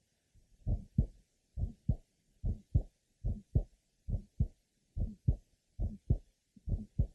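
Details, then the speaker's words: Asymptomatic 15-year-old girl with congenital bicuspid aortic valve, lower left sternal border: regular heartbeat near 70 a minute with an early systolic aortic ejection sound and a grade 3 somewhat musical systolic murmur. "note the early systolic ejection sound and a Grade Three somewhat musical systolic merma"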